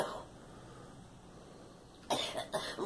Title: Girl coughing